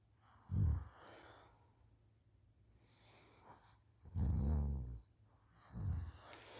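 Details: A schoolchild asleep on the couch after school, recorded by a parent: deep, low, irregular snoring breaths with snorting inhalations and quiet pauses between them; snoring.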